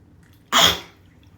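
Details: Single sharp, hissing sneeze at bath time that quickly fades into a quiet room; the owner had deliberately induced sneezing and sneezing continued afterward.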